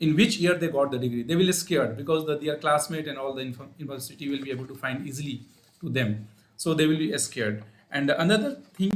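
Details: Adult male speaker; normal voice.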